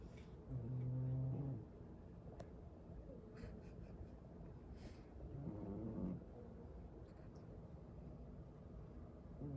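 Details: Snoring in a small sleeping cat: two loud, low, buzzing snores about five seconds apart, with quiet breathing between them, roughly 12 breaths a minute.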